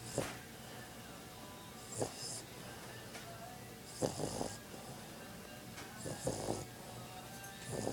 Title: Puppy snores like a trucker